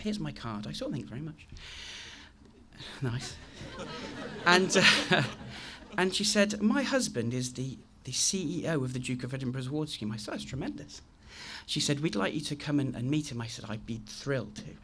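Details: Adult man with a very chronic stammer since age three, now managed with the McGuire programme (costal breathing technique); repetitions such as 'I I I'; stuttering.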